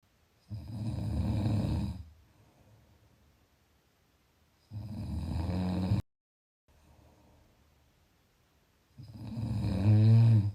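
Low rumbling snores on each breath, about three in ten seconds, with quiet exhalations between: ongoing snoring during sleep.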